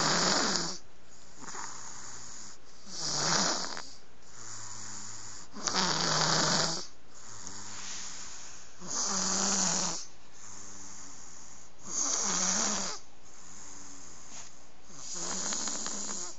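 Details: 11-month-old boy who has snored for months: loud, rattling snores on each inhalation, about 19 a minute, with quieter exhalations between; heavy snoring.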